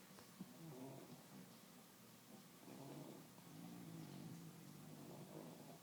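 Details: Sleepy, relaxing bully dogs: soft, rumbling, purr-like breathing noise with a low snort; snoring.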